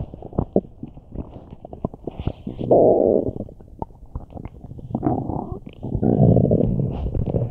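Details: Person with a tummy ache, since resolved: loud, long gurgling and rumbling with bursts of bubbling clicks from the belly; very active bowel sounds, borborygmi.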